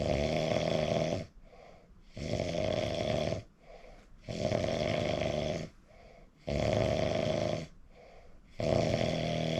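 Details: Self-recorded snoring: loud, rough, rattling snores about every two seconds, each followed by a softer breath, over five cycles of heavy snoring.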